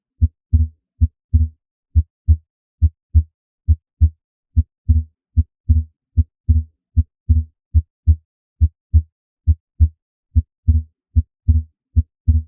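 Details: Transient (physiologic) split S2, a normal heart sound: slight delay between aortic and pulmonic valve closure splits S2, and the split varies with respiration, widening on inspiration.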